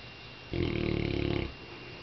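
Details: Sleeping Saint Bernard dog, possibly dreaming, snoring: a single deep, fluttering snore lasting about one second.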